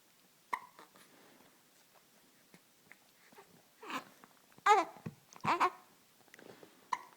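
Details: 1-month-old infant with hiccups: soft, abrupt little catches, irregular and several a minute, mixed with small fussing sounds.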